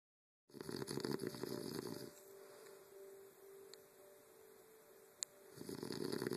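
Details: A man snoring while napping in bed, loud enough to be heard from another room over a TV: two rough, fluttering breaths with a quiet pause and a faint steady hum.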